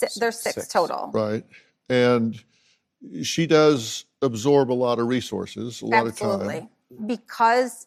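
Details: Adults in conversation; normal conversational speech.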